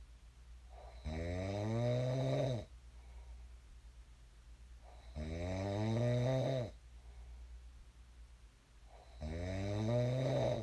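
Three loud, rattling inspiratory snores, about 15 breaths a minute, with quiet exhalations between them: regular snoring during sleep.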